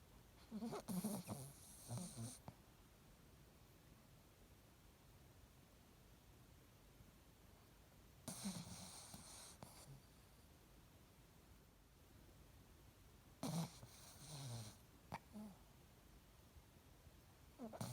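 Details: Three soft, rough breathing noises separated by long pauses in a quiet room during sleep: light snoring.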